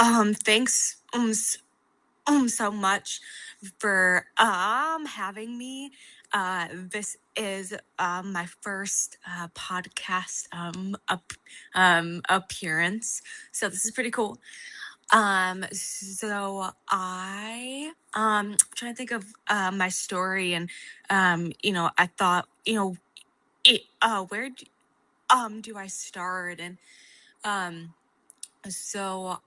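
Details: Adult woman whose stutter began at age 4 and never went away, a fluency disorder, with hesitations and fillers; stuttering.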